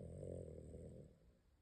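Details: A dog snoring during an afternoon nap: a single low, rattling breath sound, fading out.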